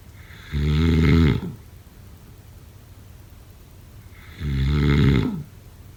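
Two deep, rumbling snores on breathing in, about 15 a minute, with quiet pauses between: typical snoring during sleep.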